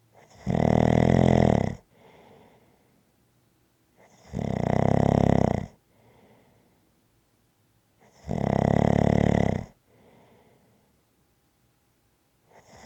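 Loud rattling snores on each breath in, about 15 breaths a minute, with quiet breaths out between: ordinary snoring.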